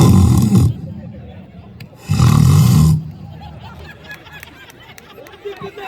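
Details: Adult alumni imitating snoring while awake in a snoring contest at a school reunion: two loud, rough, roaring snores with crowd noise between; simulated snoring.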